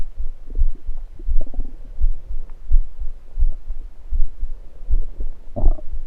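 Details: Stomach gurgling recorded from the abdomen while lying on the left side after drinking soda, following soda gulps and burps; bowel sounds.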